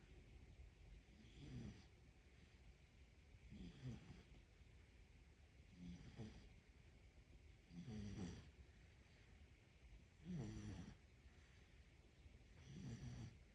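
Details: Sleeping pet dog snoring softly, low regular snores about 26 breaths a minute over steady room hiss.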